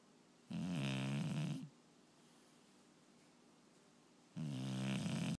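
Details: Two long, steady, vibrating snores about four seconds apart in a quiet room; ordinary snoring.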